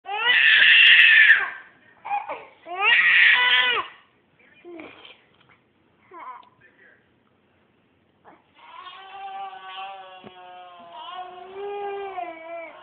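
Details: Twin babies awake and crying an hour after being put to bed: loud bursts of infant crying with pauses and whimpers, then a longer wavering cry.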